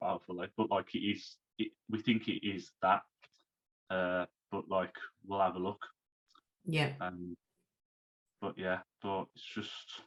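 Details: Man who had a stroke at age 33, about three months earlier, and is recovering while still overcoming speech difficulties; aphasia after stroke.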